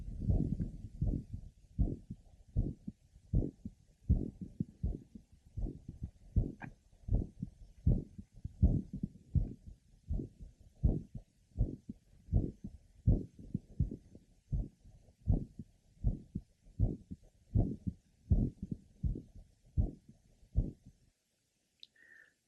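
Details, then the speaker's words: Mitral valve prolapse variant heard over the pulmonic area: a series of rapid multiple systolic clicks in the first half of systole, better heard there than at other areas. "another patient who has a series of Rapid multiple systolic Clicks in the first half of syy they are better heard over the pulmonic area as compared with other areas"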